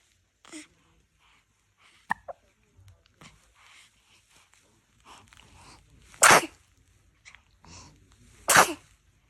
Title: 태어난 지 18일차 신생아 재채기 소리^^ #baby #cute #cutebaby